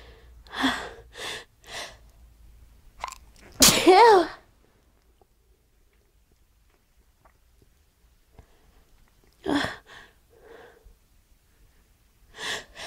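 One sharp, explosive sneeze with a brief inhaled build-up, set among quiet breaths and short voiced sounds in a small room.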